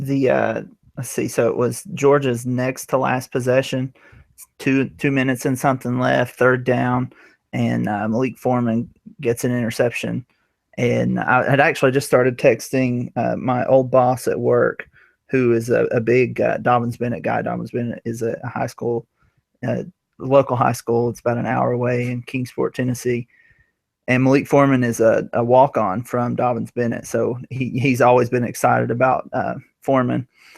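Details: Adult man speaking; normal voice.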